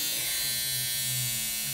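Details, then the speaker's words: Steady high-pitched electrical buzz with a low hum in a small room as a high-frequency facial wand with an argon gas electrode, used against acne bacteria, is switched on. "so what you're going to do is you're going to just simply pop the electrode in you're going to turn the device on and you'll start to hear a buzzing noise"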